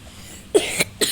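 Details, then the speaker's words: Two short, sharp cough bursts from an adult in a quiet room who says he is sick with a cough; cough. "guys, gua batuk lagi sakit."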